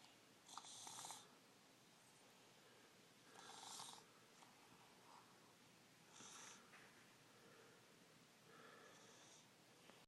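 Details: Light snoring from a sleeping infant in a jumper chair; soft, breathy, hissing noises recur about every three seconds over steady room hiss.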